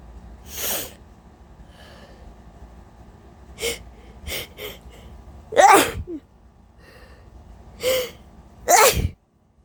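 Several sharp sneezes, some preceded by breathy build-ups or held back, from an adult with allergies.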